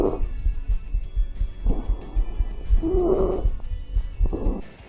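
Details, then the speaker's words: Stridor, a high-pitched breath noise heard mainly on inspiration but possibly through the whole respiratory cycle, usually audible without a stethoscope: harsh, partly musical breath noises recur in short bursts over a low background rumble. "él estridor este es un ruido de tono alto y que se escucha la inspiración pero no obstante también se puede escuchar en todo el ciclo respiratorio"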